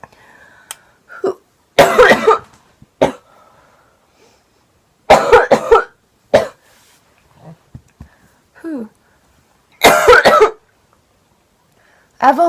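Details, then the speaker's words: Several bursts of harsh coughing, some in quick runs, with brief throat sounds between, from a girl who has a cold and has been smoking; repeated cough. "I almost just coughed into the bowl and made it go everywhere."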